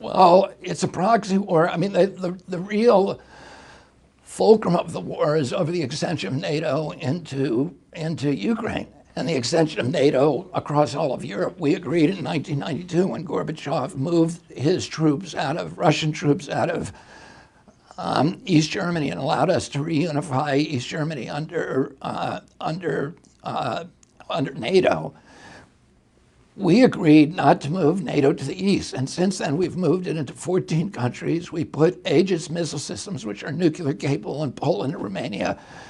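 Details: Adult male with spasmodic dysphonia, onset in 1996 at age 42 after a neurological injury; he attributes it to his brain sending wrong signals to his vocal cords, and says his voice was very strong before onset.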